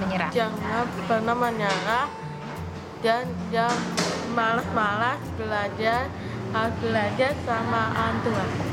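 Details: Girl found at 1 year 7 months to have very severe hearing loss; hearing aids helped too little, so she received a cochlear implant; after habilitation she attends a regular school in grade 5; speech of a child with a cochlear implant for profound hearing loss.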